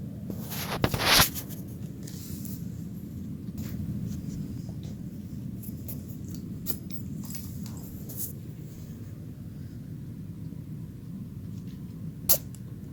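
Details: Guinea pig sneezing six times, random sneezes around the cage.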